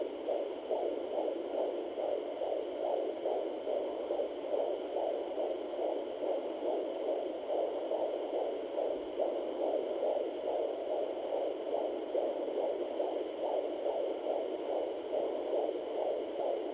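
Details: Home fetal Doppler (Sonoline) at 21 weeks pregnant: fast, steady galloping whoosh of fetal heartbeat about 140 beats a minute, around 138 bpm measured at doctor's office.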